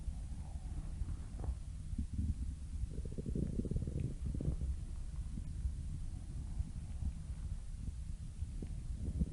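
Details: Low rumbling and gurgling over steady low background noise; stomach growling (borborygmi).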